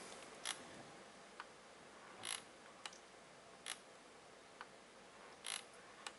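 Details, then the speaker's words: Infusion pump running during a flow test with a Fluke IDA-1S infusion device analyzer: soft mechanical clicks and brief whirs every couple of seconds over a quiet hiss, functioning normally. "So, at this point all, we need to do now, I'm going to start my infusion device and I'm going to start the test at the same time."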